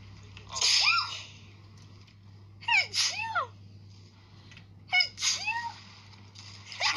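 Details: Three loud, forceful sneezes a couple of seconds apart, each with a voiced outburst, over a steady background hum; sneezing.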